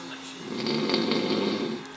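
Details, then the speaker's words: Snoring: a single loud, rough, rattling snore on an in-breath, with faint room noise. "Oh, hi, Pumpkin. You're snoring."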